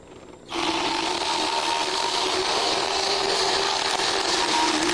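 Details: Mare's teeth being filed with a motorized power float during an equine dental exam and prophylaxis: the motor starts and runs with a steady high grinding whine and rasping.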